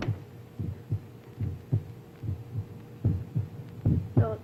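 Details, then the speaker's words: Normal heart sounds: a recorded heartbeat with the valves closing, used to teach students what to expect when listening to a heart; 1962 educational demonstration. "And this is uh for doctors to train students as to what to expect when they listen to a heart. A heartbeat. It's a recording of a heartbeat."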